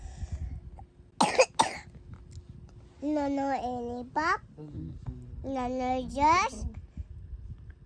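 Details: Cough from a toddler aged 2 years 6 months, being reminded of foods to avoid because of the cough: two quick, sharp coughs followed by high-pitched sing-song vocalizing.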